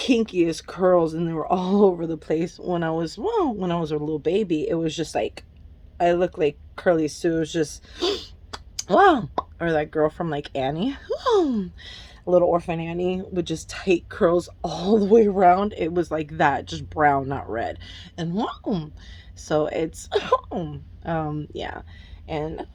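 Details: Adult woman with Tourette syndrome, currently off her medication and reporting a backlash of tics, with interjections such as "whoa" during speech: Tourette syndrome vocal tics.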